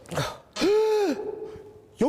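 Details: Sneeze deliberately triggered by nasal stimulation in a droplet-spread experiment, mouth first coated with green food colouring: a sharp intake of breath, then a loud voiced burst with a drawn-out tail; a single sneeze.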